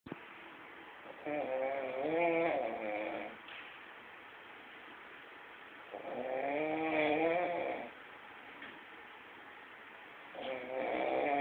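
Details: Person sleeping with loud snoring likened to a tractor engine: rhythmic rattling snores on each breath, roughly 14 a minute, separated by quiet exhalations; ordinary snoring.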